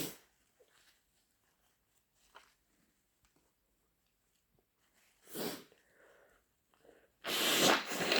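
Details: Sneezing and snotty nose blowing: quiet sniffs and breaths, then two forceful bursts of air through the nose; sneeze.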